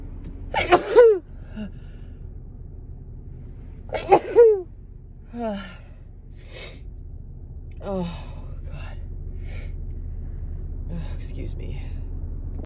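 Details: Three tickly sneezes from a person with a stuffy, runny nose, each a quick in-breath then a sharp voiced burst, a few seconds apart with softer breaths between.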